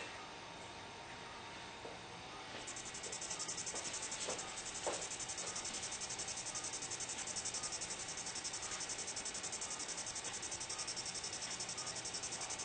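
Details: Phacoemulsification of a dense cataract during surgery: rapid, steady high-pitched chirping pulses from the machine over room hiss.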